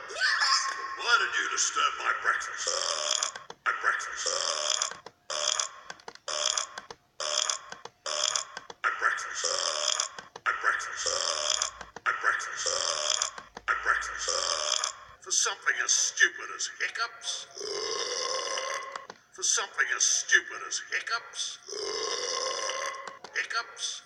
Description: A dingo burping